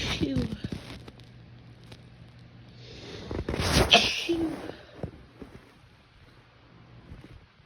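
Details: Single sharp, explosive sneeze with a quick breath in before it, from a woman lying in bed with ragweed seasonal allergy, phone in the covers, in a quiet room: sneezing.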